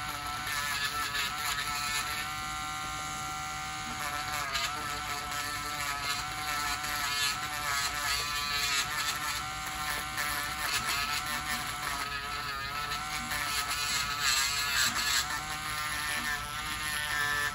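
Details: Continuous whirring motor drone with a rough grinding edge: a podiatry burr filing down thickened toenails with a severe fungal infection, in a patient on dialysis for about a year; samples sent for lab testing.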